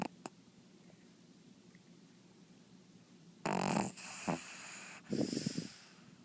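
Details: Pug snoring very loudly in sleep; quiet, then two loud, rattling snorting breaths.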